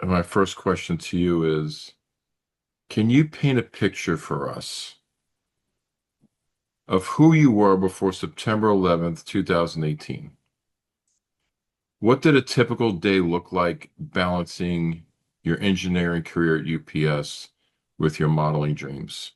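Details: Adult male speaker; typical speech.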